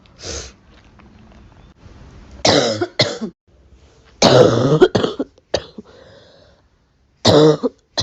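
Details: Several short, sharp coughs mixed with throat clearing, separated by quiet pauses in a small room, from a cough compilation recording.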